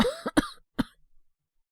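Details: Simulated cough from a voice actor playing a young man with a cold, coughing at night; a short run of three or four harsh, throaty coughs with a brief pause between.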